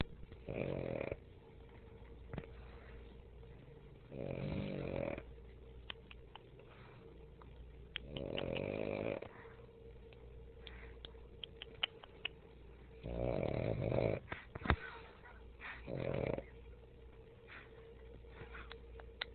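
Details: Pug snoring while awake: loud, rattling snore-like snorts with its breaths, about five in twenty seconds.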